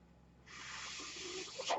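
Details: Speaker's own mechanical ventilator, heard during his podcast talk: quiet, then a steady airy hiss rising for over a second with a brief tonal click at the end, a ventilator breath.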